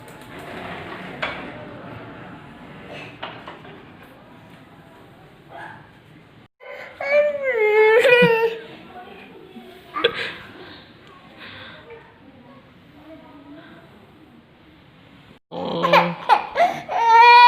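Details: Little baby crying, reportedly after not being allowed to be naughty: short bursts of rising and falling wails separated by quieter stretches of room noise; infant crying.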